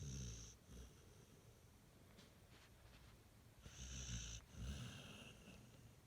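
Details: Two low rumbling, wheezy snoring breaths with a whistling edge from a sleeping, smiling pit bull; ordinary snoring.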